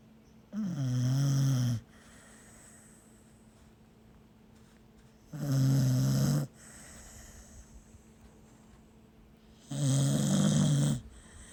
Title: she snores like her daddy 😭😭